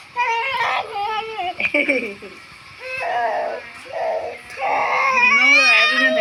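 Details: Baby boy crying while being bathed: repeated strong, high-pitched bursts with wavering pitch and brief breaths between.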